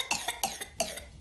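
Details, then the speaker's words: A vaccinated child's rapid run of five short coughs in one breath, then an inhalation, sounding somewhat like a sneeze; the paroxysmal cough typical of whooping cough (pertussis). "Halbuki bu beşli öksürük, tek seferde beşli öksürük boğmaca için tipiktir."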